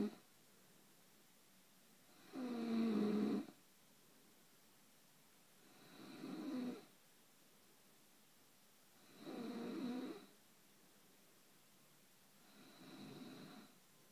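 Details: Adult woman (wife) snoring, said to snort like a hog: four slow, rough snoring breaths in about fourteen seconds, roughly 17 a minute, with quiet pauses in a still room; snoring.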